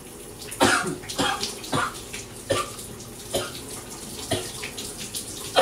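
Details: Run of about eight harsh coughs in quick succession over running shower water; persistent coughing fit while showering, from a bug in the throat that won't let up.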